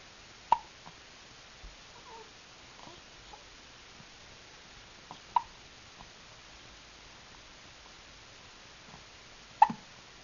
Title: Hiccups